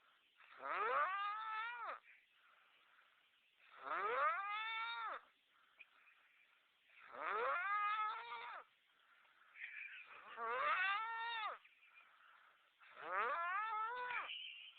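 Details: Person snoring with laboured, snore-like breathing: loud, drawn-out groaning noises with a rising and falling tone, about 19 a minute, each lasting one to two seconds; snoring.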